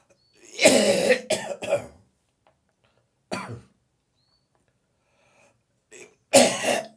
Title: Morning Cough and Gag